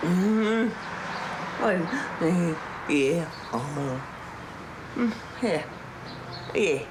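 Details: Severe dysarthria in an adult woman with late-stage Huntington's disease, a degenerative brain disorder; six months earlier she could still walk without help, now deteriorating.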